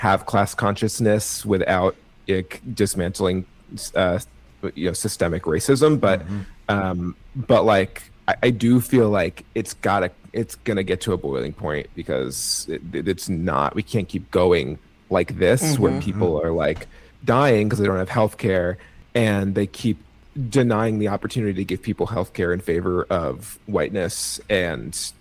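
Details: Stuttering with part-word and word repetitions in an adult man with cerebral palsy, who thinks his stutter is related to his CP.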